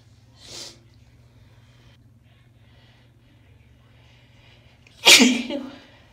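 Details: Female soft sneezes in cold weather: a faint soft sneeze followed by a second, stronger sneeze with a short sharp burst of air, in a quiet room.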